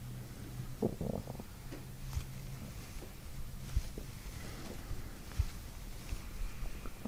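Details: Bowel sounds (borborygmi) during a chiropractic abdominal session on a fasting patient who has not eaten today; pressure near the ileocecal valve and the pyloric sphincter 2 inches above the navel, with deep belly breaths, producing gut releases and gurgles.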